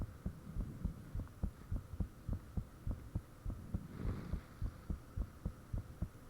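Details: Self-recorded heartbeat with fan off, shortly after the heart began feeling unusually thumpy: regular, strong thumping at about 105 beats a minute over a low steady hum, valves and blood rushing said audible; fast, forceful heartbeat.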